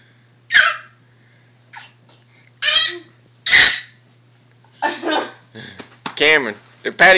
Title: Fake sneeze